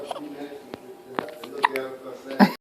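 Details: Baby hiccupping: several short, sharp infant hiccups over soft background talk.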